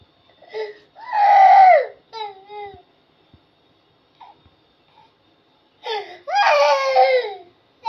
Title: baby crying sounds 😭😢 baby crying funny videos🤣😭😭😁